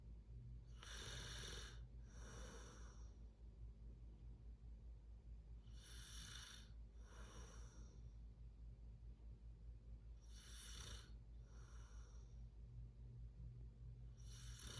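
Steady low rumbling with rough, rattling snores on each breath, about 14 breaths a minute, over a constant background hum.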